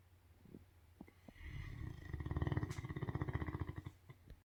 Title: The Charlie, Hugo, Ollie & Okie Show: Hilltop Snore-off